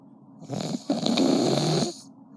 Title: Got him snoring 😴 😂